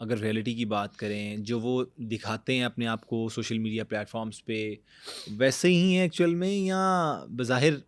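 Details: Adult male speaker; typical speech.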